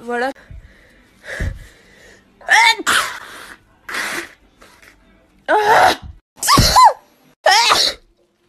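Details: A girl sneezes several times in a row, each sneeze a sharp in-breath then an explosive burst, one of them voiced; allergies and sinuses are tagged.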